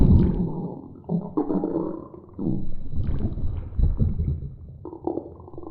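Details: Stomach growling (borborygmi) from two animals.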